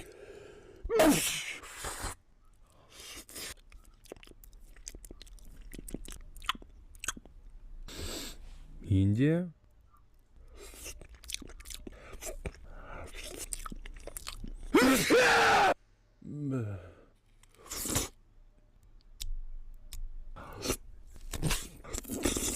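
Sharp, explosive bursts of air, likely sneezes, between close-up chewing and crunching sounds.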